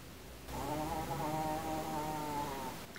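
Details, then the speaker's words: Female dog snoring while asleep: steady, buzzing, droning breath sounds over quiet room noise, with a person speaking nearby. "Dog, stop snoring. Can you hear that? She's snoring."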